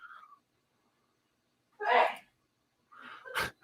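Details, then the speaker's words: An adult gives a single loud sneeze during a live stream. "people probably still heard it that was a loud one i bet everybody heard that i could hear it coming out of the other room i'm sneezed so loud guys"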